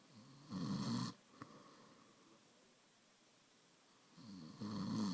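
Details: Two rough, fluttering snores on the in-breath with a quiet pause between them, from a sleeping male; snoring.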